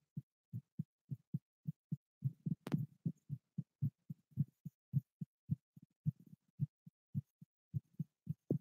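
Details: Live ASMR heartbeat recording: soft, dull, paired thumps in a steady rhythm, roughly 60 beats a minute, with a brief rustle partway through.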